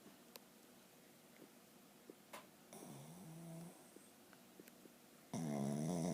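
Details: Sleeping dog snoring: two rumbling snores over a quiet room with faint clicks.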